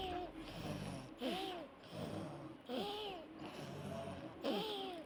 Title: Wheeze of asthma